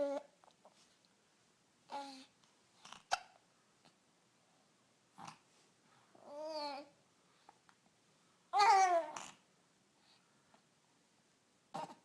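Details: Baby after lunch with hiccups: short abrupt hiccup sounds scattered among baby babbling and laughing in a quiet room.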